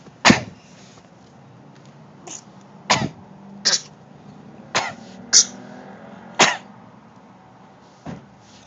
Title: coughing